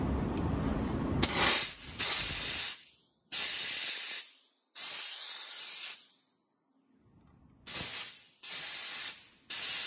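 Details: Automatic steam cleaning machine for jewelry and dental use, 6-litre capacity with auto water intake and heating: repeated loud hissing steam bursts about a second long with short silent gaps; steam cleaner operating.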